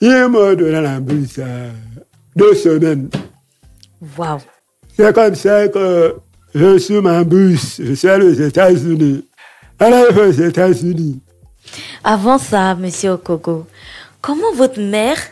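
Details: Deaf speech in French from a man who lip-reads. His hearing loss followed a childhood illness, which he says left his voice not normal.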